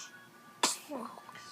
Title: A few sneezes and a coo